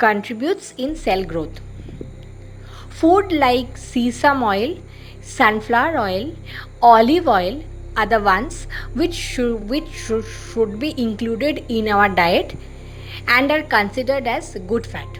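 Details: Adult woman who presents herself as a person who stammers: stuttering.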